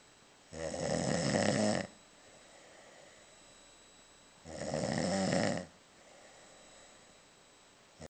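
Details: Princes, still asleep, snoring: two loud, rough snores on breathing in, separated by quiet breathing out, about 15 breaths a minute.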